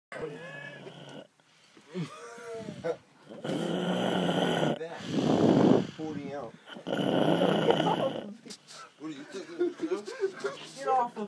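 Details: Loud snoring from a man who passed out and slept all night with his legs folded: long, rough, rattling inspiratory breaths over several cycles, with talk and laughter around them.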